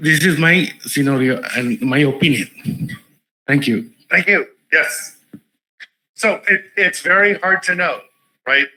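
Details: Adult male speaker; normal speech.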